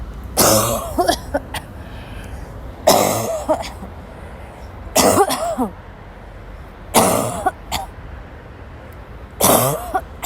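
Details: Sick young woman, woken ill with a sore throat, in a violent coughing fit after leaving class, gasping: five harsh bouts about every two seconds, each a burst of several coughs; persistent coughing fit, tagged dry cough.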